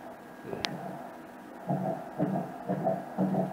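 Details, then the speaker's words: Rapid, regular whooshing pulses of about 120–150 per minute from an embryo's heart on colour Doppler at a first pregnancy ultrasound scan, with gestational sac and amniotic fluid seen; normal fetal heartbeat. "do you see that the blue and red mark we call this the blood of the way here and we're going to hear the sound of the heart okay"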